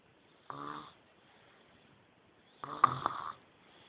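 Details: Two buzzing, vibrating snores a couple of seconds apart in a quiet room: ordinary snoring in a sleeping person.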